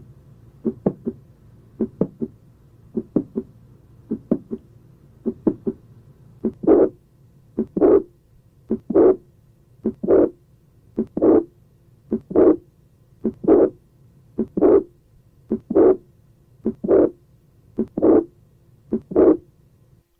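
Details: Mitral valve prolapse: a mid-systolic click followed by a high-pitched late systolic murmur of mitral regurgitation.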